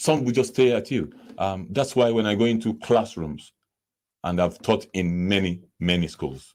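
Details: Stammering (stuttering) in a man who says he stammers himself.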